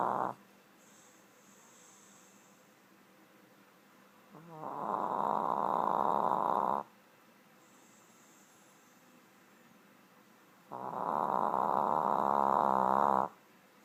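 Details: Sleeping Shih Tzu snoring: loud, rough, rattling snores, each about two seconds long, separated by long quiet pauses.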